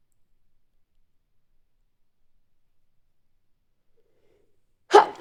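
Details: Single sneeze after near silence: one short, sharp sneeze burst at the end, during tickling-induced sneezing.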